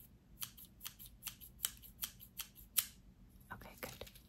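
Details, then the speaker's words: About eight sharp, crisp scissor snips at an uneven pace, then soft rustles, during the hearing part of a cranial nerve exam; the patient is asked which ear hears them and how many snips there are. "I want you to tell me when you hear the scissors snip okay so and also what ear you hear out of okay now how many times do you hear this is her"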